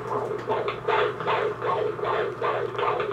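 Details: Fetal heartbeat on Doppler at 23 weeks of pregnancy, baby girl active and moving: rapid, regular whooshing pulses at about 155 beats per minute, described as sounding great.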